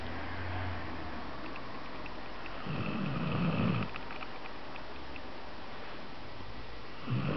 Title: snoring zzzz